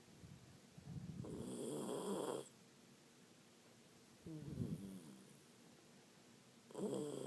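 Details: Miniature pinscher snoring: soft, fluttering snores roughly every three seconds over low room hiss.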